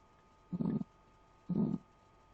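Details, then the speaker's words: Teaching illustration of a forceful heartbeat in hypertension with atherosclerosis, from cholesterol build-up on artery walls: two strong, low thudding beats about one second apart, the heart beating harder. "as you can hear the heart try to beating harder to reach the blood to other parts of the part of the body because here we have a neuro arteries because of building up the cholesterol or fatty material on the wall of arteries"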